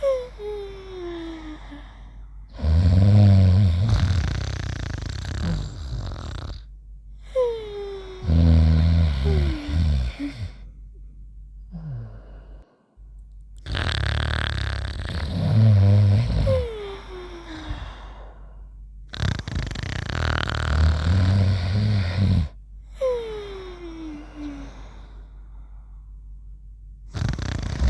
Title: Mimi and Trusty Sleeping and Snoring Together